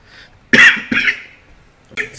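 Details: Person coughing during a live gaming stream: a few short, dry coughs in quick succession, then a fainter one.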